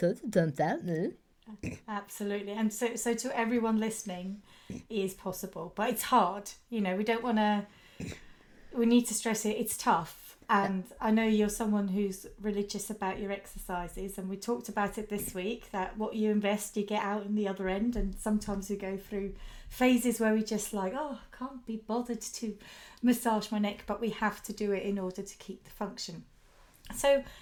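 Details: Adult woman speaking; typical speech.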